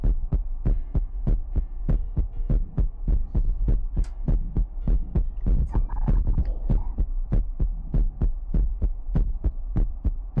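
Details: Heartbeat sound in a Chinese ASMR livestream featuring mouth sounds, ear picking and water drops: deep, regular thumping at about 100 beats a minute with a low background hum.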